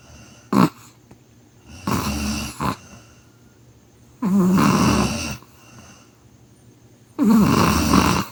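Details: Dog in deep sleep: loud rattling snores on breathing in, with quiet pauses between, about four breaths heard; snoring.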